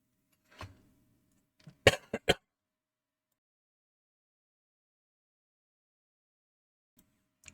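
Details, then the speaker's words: Person who still has a cold at the end of January, coughing while commentating a game recording; a soft throat sound, then three sharp, quick dry cough bursts in near silence. "Sorry for the coughing in this little bit."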